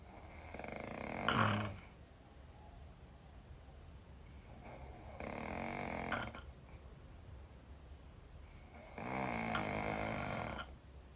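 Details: Loud, drawn-out rattling snoring in sleep, about three snores over eleven seconds, from a sleeping woman (tagged Chinese girl); the video is tagged sleep apnea, though this is not confirmed.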